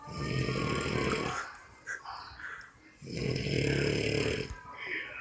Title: snoring away new years eve 10pm